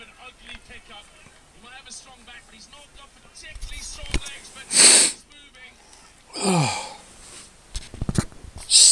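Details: A run of forceful sneezes with swearing and exclamations between them.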